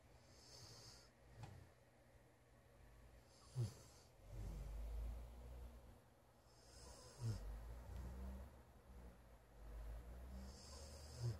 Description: TJ, the Golden Retriever, had fallen asleep in my room and started to snore ...